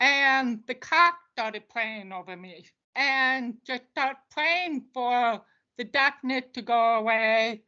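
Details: Speech of an adult deaf woman who uses a service dog; she attributes how her voice sounds to not hearing the way others do; deaf speech.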